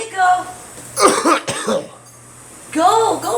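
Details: A few harsh cough bursts mixed with brief speech and throat clearing in a small room, from a person with a cold: cough.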